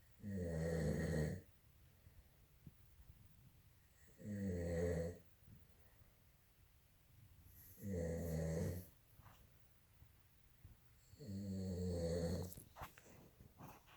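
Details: Adult man snoring in sleep, recorded November 2018: four deep, buzzing snores about every 3.5 seconds, roughly 16 a minute, with quiet breathing between them.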